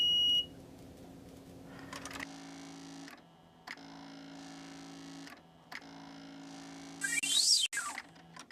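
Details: Short electronic beeps and a steady tone over a quiet hum as an enteral feeding pump primes its tubing, set up for continuous NG tube feeding, before the rate is set to 30 mL/hour.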